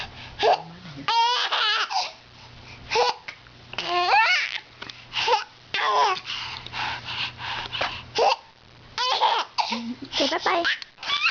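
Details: Baby giggling and squealing while having hiccups, broken up by sudden short catches in the breath.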